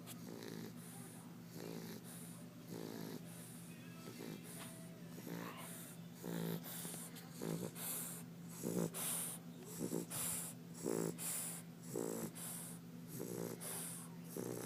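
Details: Sleeping English Bulldog snoring: rhythmic snorting snores about every second, with faint background music.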